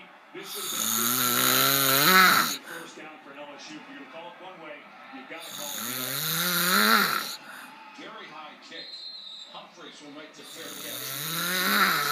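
Loud, rough, rumbling snores on each inward breath, three in about twelve seconds, roughly 13 breaths a minute, with quiet exhalations between.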